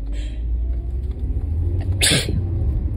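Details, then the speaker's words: Allergic sneeze from a very stuffed-up person while driving, sneezes now drier and less messy with nose blocked: a short hissing nasal burst over low rumbling car noise. "It's not my first time sneezing and driving."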